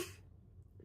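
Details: 2-year-old girl with a cold and cough: cough.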